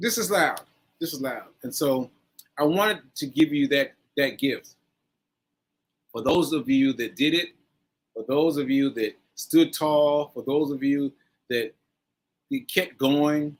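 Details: Aphasia in a man after a stroke on 7/14/22, recorded nearly a year later (7/4/23), with word-finding pauses and fillers.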